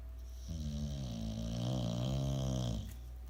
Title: Snoopy - Snoring (24.10.2017)